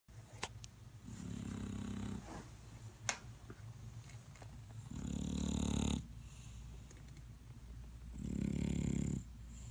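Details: Snoring from a sleeping female dog keeping her owner awake: three deep, rumbling snores a few seconds apart, roughly 17 breaths a minute, in a quiet room.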